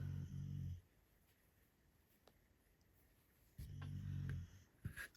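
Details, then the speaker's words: Sleeping dog snoring in a quiet room: two low, rumbling snores about 3.5 seconds apart, with small clicks near the end. "Don't know if you can hear my dog snoring from there. I never know whether to mention it or not. If you can hear a strange noise, it's the dog snoring."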